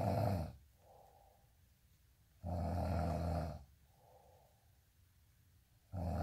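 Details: Loud, low, rumbling snores on each in-breath with softer out-breaths, about 20 breaths a minute; regular heavy snoring, tagged with teeth grinding.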